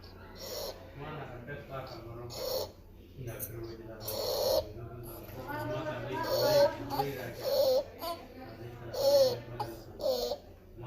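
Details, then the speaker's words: Child with croup, possibly caused by parainfluenza virus or RSV, with inflamed vocal cords: harsh, high-pitched whistling on each breath in, repeating every second or two, i.e. inspiratory stridor. "so it can cause what we call inspiratory Str Rider so it's like like a really kind of horrific sounding whistle when they"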